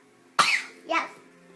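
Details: A 3-year-old girl, who says something hurts while trying to sneeze, gives two short, sharp cough bursts in a quiet room; a plain cough.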